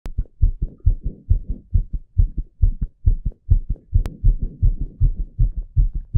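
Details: Fast, regular low thumps of a young man's heartbeat at about 135 beats a minute, recorded alongside an ECG: rapid heartbeat (tachycardia).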